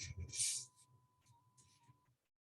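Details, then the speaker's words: Simulated pure-tone tinnitus played in an ENT talk right after a white-noise example: a steady, faint, high whistle-like tone, with brief voice and noise at the start. "esto es un Ruido Blanco como un ruido de lluvia y este es un tono puro"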